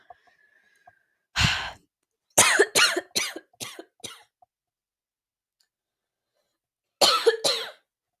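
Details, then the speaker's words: Parched, dry throat after talking: a dry coughing fit in a quiet room, one cough, then a run of five quick coughs and two more later. "goodness I have talked myself dry apparently because I just had a coughing fit so I do apologize for that"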